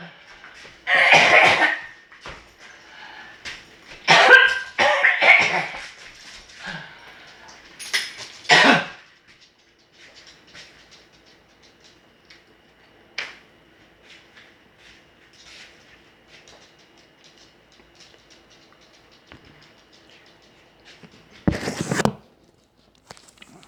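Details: A person who says they cannot wear a mask because they will be coughing gives about five harsh, separate coughs with long quiet pauses, the last after a gap over ten seconds: cough.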